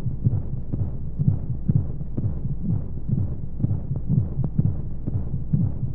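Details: Womb-sound sleep aid for babies: muffled low rhythmic heartbeat thumps, about 120 a minute, under steady rushing white noise of monotonous flow sounds; heartbeat.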